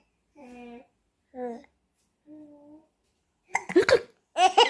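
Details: Baby hiccups: three short, tonal voiced catches from an infant, followed by louder babbling and laughter as the baby smiles.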